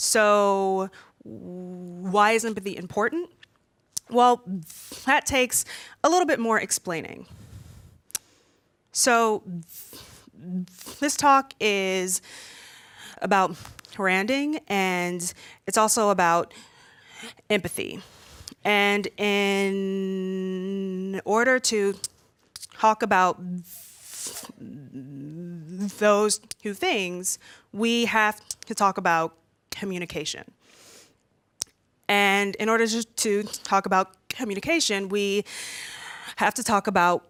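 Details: Stuttering in an adult woman who says she stutters far more when nervous, as when presenting in front of a room full of people.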